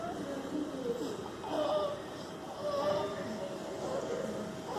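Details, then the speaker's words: Rapid noisy breathing with a harsh, high-pitched musical tone on each breath: laryngeal stridor, a key clinical sign of acute upper airway obstruction. "Ese es un estridor laríngeo, ¿sí? Así se escucha."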